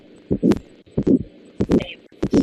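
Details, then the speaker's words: Aortic stenosis murmur: crescendo-decrescendo systolic murmur starting shortly after S1, often preceded by an ejection click, loudest in the aortic area (right second intercostal space), radiating to the carotid arteries. "starts a short moment after S1. It is often preceded by an ejection click caused by the opening of the stenotic valve. Aortic stenosis murmur is loudest in the aortic area, and the sound radiates to the carotid arteries in the neck following the direction of blood flow."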